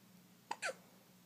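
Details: Infant hiccup: a single abrupt catch of breath with a soft squeak in a quiet room.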